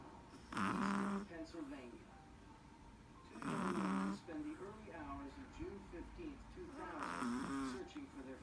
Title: Dexter snoring